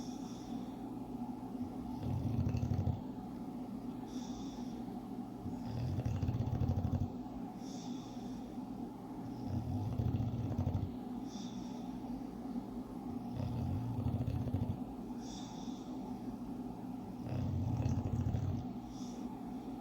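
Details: Sleeping English Bulldog snoring: low, rumbling snores about every four seconds with snorting on the in-breaths, over a steady background hum.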